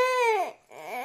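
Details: A young child, one of twin girls, cries with a high, wailing cry that falls in pitch, pauses briefly, then rises again, after being asked to empty a tiffin box.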